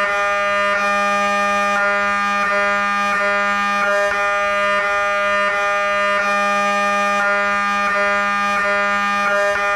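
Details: MRI brain scan with a head coil during the main scan at a university imaging centre: loud steady buzzing tone with regular knocking pulses, about 87 a minute; MRI scanner acoustic noise.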